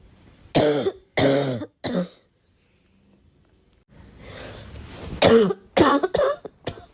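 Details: Girl coughing: three loud cough bursts, a pause and a rough breath, then several more short coughs and throat clearing.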